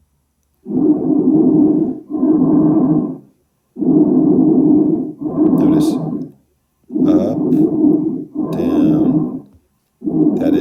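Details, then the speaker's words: Loud, harsh, hollow bronchial breath sounds, normally heard over the trachea; inspiration and expiration of similar length with a pause between them. "our bronchial breath so this is you're normally going to hear bronchial breaths if you go ahead and um listen to specifically the um the the trachea"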